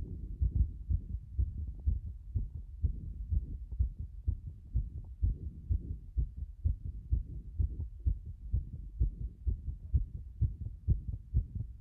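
Fast, muffled heart thumps at roughly 125 a minute, fairly regular; a rapid heartbeat.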